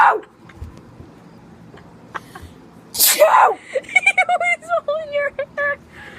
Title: Will he stop sneezing